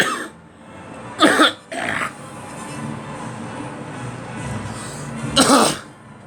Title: Me coughing